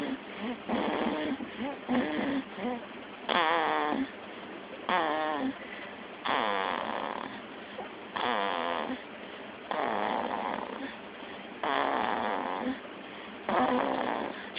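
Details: Snoring: repeated rattling, fluttering snores about every two seconds, some warbling and snorting; loud snoring.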